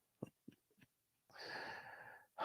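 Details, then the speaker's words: Kennel cough in a dog, apparently caught at a shelter, coughing while sleeping: three short dry coughs, then a long harsh honking wheeze. "is there a dog coughing yes that is uh Clyde yes after we picked him up from the shelter it appears he got chemical while he was there"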